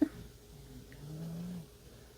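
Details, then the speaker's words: Snoring from a pet cat, and possibly the dogs, in the room during a watercolor painting session. "my cat's snoring too"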